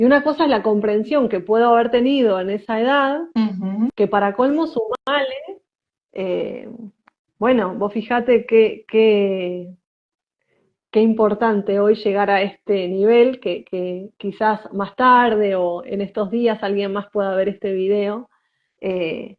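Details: Woman who identifies herself as a person who stutters; stuttering.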